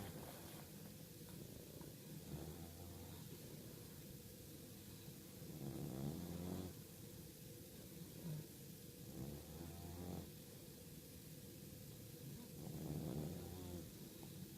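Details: Sleeping bulldog puppy: regular low, fluttering snores with each breath, about 16 breaths a minute; noisy flat-faced puppy sleep breathing, snoring.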